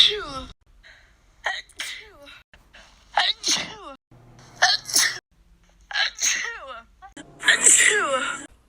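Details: Baby; a run of about six high, sharp sneezes with quick gasps between them: repeated sneezing.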